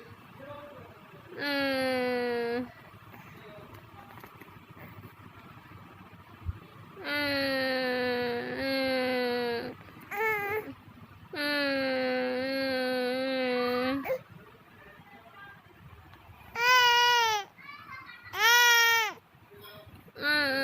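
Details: A 7-month-old baby girl cries after hearing her mother's (fake) crying: sustained wailing cries with clear, steady pitch, alternating with shorter rising-falling bursts and quiet gaps.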